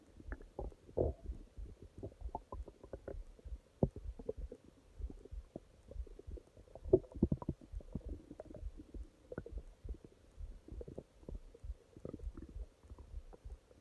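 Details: Stomach growling at night (part 2): quiet, irregular gurgles and rumbles coming and going; normal bowel sounds.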